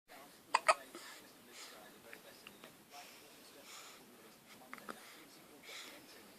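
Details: A person with hiccups: two sharp, abrupt gulping catches near the start, then softer breathy sounds and quiet murmuring.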